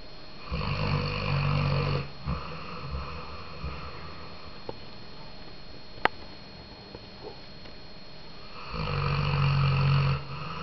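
Deep, loud, rumbling snores with a long quiet gap between them and a brief click in the pause: snoring.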